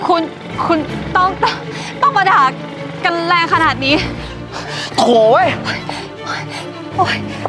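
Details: Acted stuttering by a character in a Thai comedy skit; stuttering (acted).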